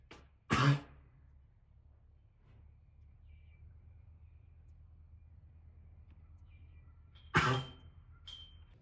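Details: Weanling filly coughing, before being given cough syrup, which was followed by no further coughing.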